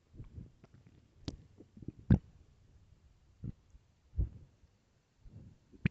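Soft low gurgles and rumbles with a few sharper pops, heard as stomach growling from hunger.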